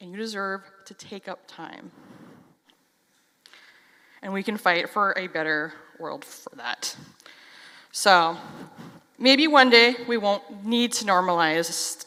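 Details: Stuttering in an adult who stutters.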